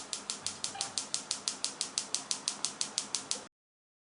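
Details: Focused shockwave therapy, fourth session, on a rock climber's index finger DIP ulnar collateral ligament injury, treated from a different angle: sharp, even clicks about five per second as the device fires.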